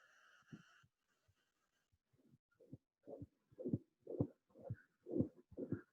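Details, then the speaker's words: Continuous murmur recorded on an iPhone because very intense, systolic or continuous flow, not left subclavicular, heard toward the apex: continuous murmur of coronary artery fistula. "ce qu'on entend là on entend un flux qui a l'air d'être systolique ou continue ses bas donc temps un souffle continu tanguy ce souffle continu n'est pas sous clavier gauche"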